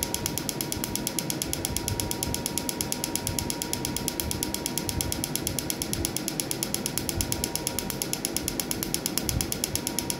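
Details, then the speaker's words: Rapid, regular crisp snapping pulses, about 100 a minute, over a faint steady tone: a pico laser firing at 2–3 mm skin depth during the first removal session on a dense, richly colored, embossed tattoo. "This laser, we have set the parameter so that the light energy should go at least 2 to 3 mm down the skin, but still the deposit of color is so much that response is less as compared to other lighter tattoo."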